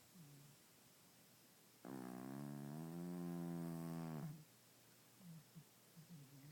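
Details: Cat snoring while asleep, owner says he snores all the time and gets loud: one long buzzing, vibrating snore of about two and a half seconds, with softer snuffling breaths around it; snoring.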